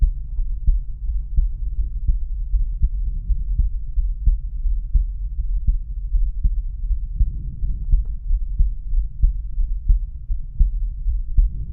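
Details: Male's own heart auscultated with a stethoscope diaphragm at the aortic area: regular heartbeat thumps at about 85 a minute.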